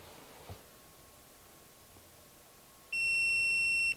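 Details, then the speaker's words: Training AED in adult mode, pads on right collarbone and left flank, after ECG analysis announces shock needed; steady high-pitched alert tone while charging, prompting to press the flashing orange shock button. "電気ショックが必要になります充電中点滅はオレンジ色のショックボタンを押してください"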